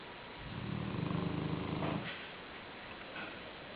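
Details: Sleeping black Shar-Pei dog lying on a pillow: a low, rattling, fluttering snore on one breath in, then quiet breathing; dog snoring.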